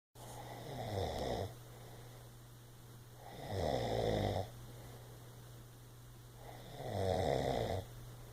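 Three low, rattling snores on the in-breaths, about 20 a minute, with quiet gaps between: snoring.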